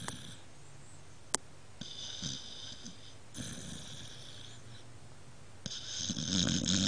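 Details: Dog that snores too loudly to be allowed in bed: snoring while asleep.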